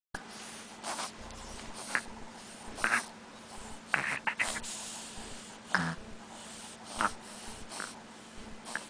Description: snoring while awake; week and a half old